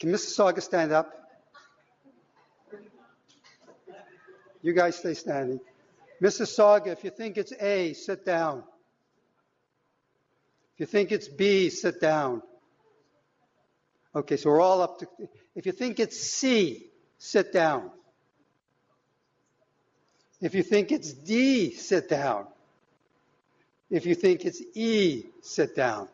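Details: Adult man speaking to an audience; normal speech.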